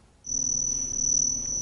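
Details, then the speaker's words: Simulated tinnitus in a TV health segment: a steady, high-pitched cricket-like chirping that starts abruptly, the sound many people think their tinnitus is; tinnitus simulation. "you hear that kind of chirping sound a lot of people think this is what their tinnitus is"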